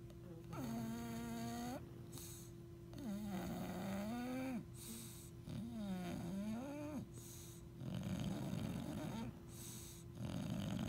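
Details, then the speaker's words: Bulldog asleep on a couch, with a pug also present: loud, rumbling snoring with whining, tonal notes on several breaths over a steady hum. The dog makes these noises with half-open "zombie eyes." "And this is, and when they sleep in our bed, this is the noise they make too."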